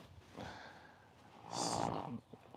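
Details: Mustang mare during a chiropractic adjustment gives a soft breath, then a forceful blowing snort through the nostrils lasting under a second; snorting.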